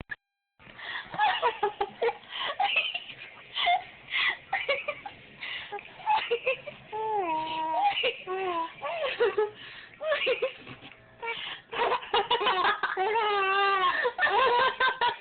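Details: Infant laughing with hiccups: giggles and squeals in choppy bursts that keep breaking off abruptly.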